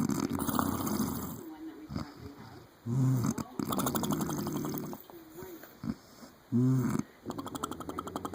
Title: Snoring like a horse